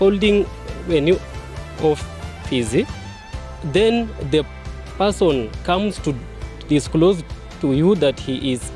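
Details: Man who identifies as a person who stammers, speaking at a stammering support group launch: stammering.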